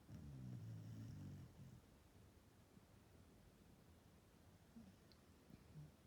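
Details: Sana, an Australian Shepherd dog, snores while napping; owner notes snoring sounds richer with age: one long, low, vibrating snore, then quieter breathing against faint room noise; snoring.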